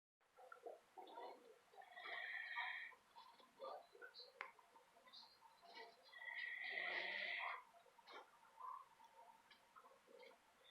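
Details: Sleeping dog snoring: hissing, whistly breaths about four seconds apart, with small snuffles in between.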